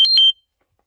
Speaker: If you hear that alarm, that is my blood sugar going off, and I'm glad I decided to wait till the very end to start going off.